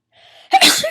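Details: Sneeze at the start of a sneezing fit that later becomes rapid, with stuck sneezes and attempts to hold them in: a brief in-breath followed by one sharp, explosive sneeze.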